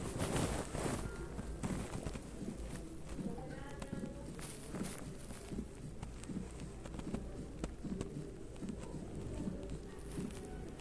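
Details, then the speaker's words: Teaching recording with heart sounds near 75 a minute, first and second sounds plus a sharp, high-pitched, metallic early systolic click, artificially isolated without murmur; aortic ejection click, which in real life indicates aortic or pulmonary stenosis. "Se ha separado artificialmente para que ustedes se den cuenta cómo ocurre el clic eyectivo. Pero en la vida real, cuando hay un clic eyectivo es porque hay estenosis aórtica o pulmonar."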